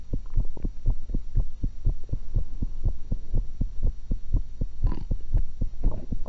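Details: Own heart recorded through a single stethoscope while eating, after one apple and one cucumber: regular low thumping heartbeat at about 120 per minute with steady hum and a few rustling noises; normal heart sounds.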